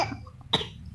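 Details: A single short, sharp cough from a child actor, acted on request, so it is simulated.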